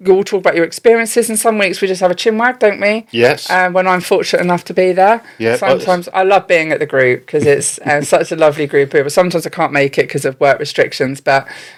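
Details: Adult woman speaking, possibly with a brief reply from another voice; normal fluent speech.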